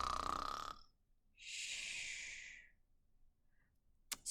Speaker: and it's hard to sleep if someone around you is snoring and also if you're awake sometimes it's hard to play they're making loud noises